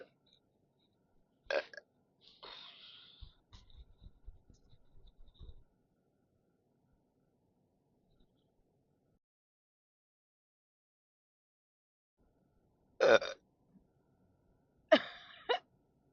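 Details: Repeated belching after drinking only coffee, no carbonated drinks: a few loud, throaty belches with a quiet stretch between them.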